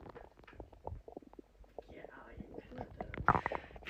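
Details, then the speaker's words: Adult male's stomach growling after eating a large meal of chicken and meat: gurgling, bubbling rumbles with quiet whispered talk nearby; ordinary borborygmi. "It's cuz I ate chicken. It's cuz I had meat, truly. And I ate also just like a ton."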